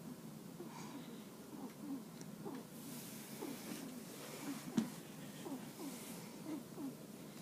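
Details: Day 4: the baby, content and warm while resting on Mom, makes soft snuffly snoring breaths with small snorts and faint whistling in a quiet room; snoring.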